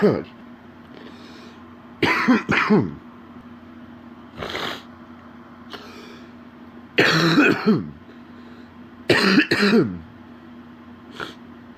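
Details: An adult man with a deep, wet productive cough: groups of deep, wet coughs with rattling and throat clearing, over steady room hum.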